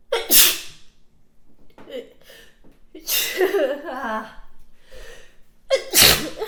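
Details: Woman's wet sneezing: two loud wet sneezes, each preceded by a sharp in-breath, with gasping breaths between.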